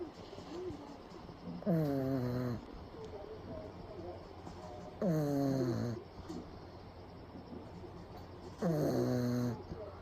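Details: A pug napping in the daytime with eyes rolled back, recorded close up: loud, rattling snores on each in-breath, about 17 a minute, separated by quieter breathing.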